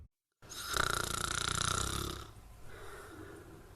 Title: Snoring compilation 79